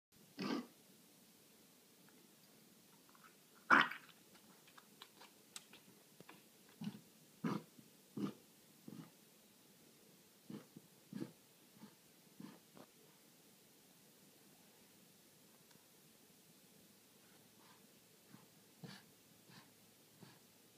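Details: Dog coughing: a series of short, harsh coughing bursts, some loud and some faint, in a quiet room.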